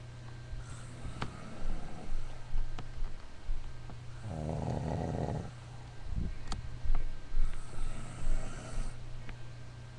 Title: snoring ahhhhh!!!!!!!!!!!!!!!!!!